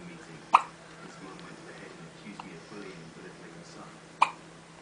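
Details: Hiccups: two sharp, brief hiccup sounds about four seconds apart over quiet room noise.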